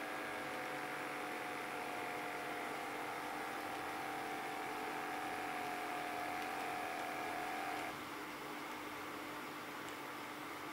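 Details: Microlife A6 Basic automatic blood pressure monitor in single-measurement mode: steady motor hum rising to a whine as the cuff inflates, then a sudden drop as pumping stops; normal reading 123/72 mmHg, pulse 80.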